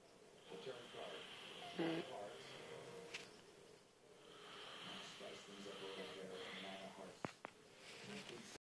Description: My dad was snoring up a storm last night!